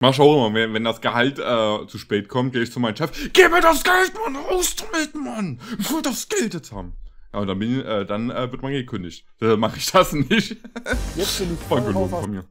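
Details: Adult male speaker; typical speech.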